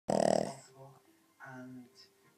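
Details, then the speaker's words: Dog sleeping on his back: a loud fluttering snort followed by softer, low rattling breaths. Snoring. "It's like a pneumatic drill."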